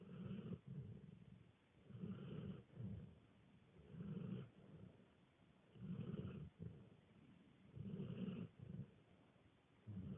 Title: Snoring